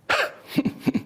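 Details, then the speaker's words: Adult man with Tourette syndrome shows his vocal tics, which include a huff, a sniff and a laughing tic: a sharp breathy huff, then two quick pairs of short voiced grunts. "YOU HAD TIX FOR EVERY OCCASION? STRETCH. I HAVE THE HUFF, THE SMITH, THE LAUGHING TECH,"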